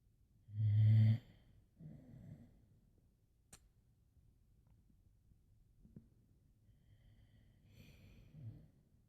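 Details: Boxer dog sleeping in bed, mild snoring (owner says it is usually much louder): two low rumbling snores several seconds apart, one loud and one softer, in a quiet room.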